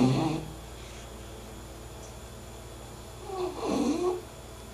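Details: English bulldog sleeping and snoring: two rough, snorting snore breaths a few seconds apart in a quiet room.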